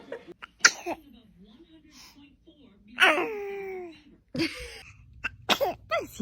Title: Funny baby sneezing#happ #funny #babylove #cutebaby #funnymoments #tunnyvideos #fyp #usatoday